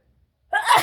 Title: Wide Nose Sneezes Africa.